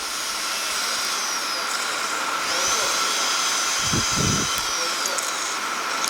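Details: High-pitched whining otologic burr with steady hiss and pitch changes, drilling a posterior tympanotomy to reach the middle ear and round window during cochlear implant surgery.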